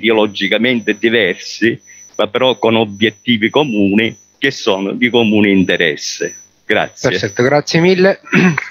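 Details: Adult male speaker; normal voice.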